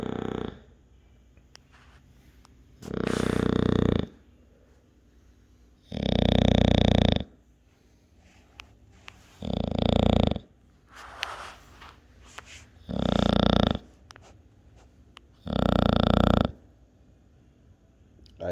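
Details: Sleeping dog snoring: loud, deep snoring breaths in a steady rhythm, roughly one every two and a half seconds, with quiet pauses between.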